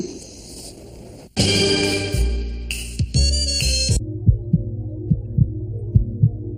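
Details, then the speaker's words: Music gives way to steady paired low thumps, a lub-dub heartbeat at about 75 a minute; normal heartbeat. "It's the sound of a heartbeat. People say it goes lub-dub."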